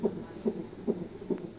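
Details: Fetal heartbeat of the baby on Doppler: rapid, regular whooshing pulses at about 144 beats a minute; fetal heart tones.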